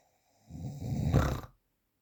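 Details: Real unprocessed recording of snoring: one low, rattling snore lasting about a second on breathing in, then silence; ordinary snoring.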